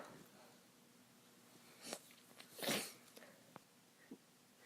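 A sharp sneeze burst after a smaller one, with a few quiet sniffs and breaths in a quiet room; sneezing during an illness.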